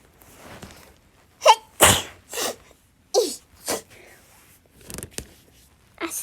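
A run of sharp, explosive bursts with quick intakes of breath between them, a series of sneezes in a quiet room.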